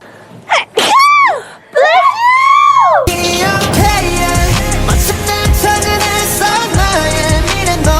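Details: Two quick voiced sneezes, each with a rising then falling 'ah-choo' pitch, from a K-pop group member, followed by loud pop music.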